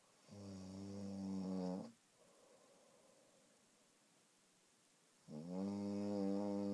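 Two long, loud buzzing breaths in, with a quiet breath out between them, in a quiet room. Steady snoring.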